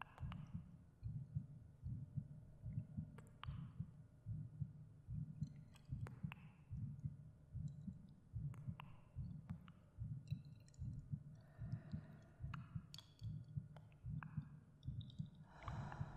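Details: The creator's own heartbeat recorded for a binaural ASMR meditation: steady, soft low thumps about 74 per minute with faint breathing and gentle echo effects; a normal heartbeat.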